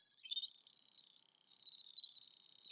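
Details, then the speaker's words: Ear reflex point stimulator/detector (Stim Pole Plus), non-invasive, on external ear: high, thin electronic tone pulsing rapidly and rising in pitch as the probe detects an active reflex point. "the part of the body represented by that region of the ear again will hear that sound pitch going up so it will sound like this"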